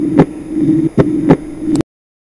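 Heart sounds with a steady blowing murmur filling the gaps between beats, consistent with aortic regurgitation.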